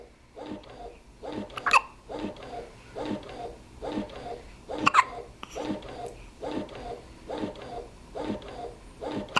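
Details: Short, sharp catches of breath about 19 a minute with small voiced sounds between, after a meal; hiccups.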